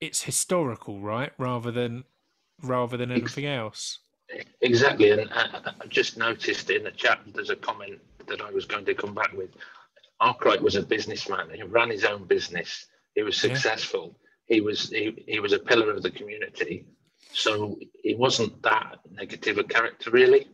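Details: Real stammering in a panellist who stammers.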